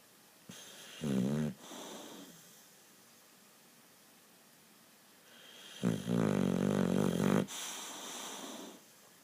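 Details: Boxer dog snoring: two loud, rattling, vibrating snores on breathing in, with quieter airy breaths out between; a deeply sleeping dog snoring heavily.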